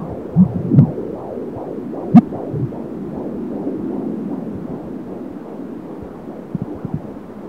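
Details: Fetal heartbeat at 28 weeks of pregnancy on an AngelSounds home fetal Doppler: fast, regular whooshing about 150 a minute, with a few sharp fetal kick thumps.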